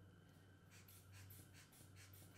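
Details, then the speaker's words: About seven soft rhythmic hand-bulb squeezes inflating a manual sphygmomanometer cuff 20 mmHg above the palpated systolic pressure, stethoscope over the brachial artery at the antecubital fossa, patient seated, arm at heart level, during a cardiovascular exam demonstration; cuff inflation. "inflação do aparelho, jogando 20 milímetros acima da pressão sistólica detectada pelo método palpatório."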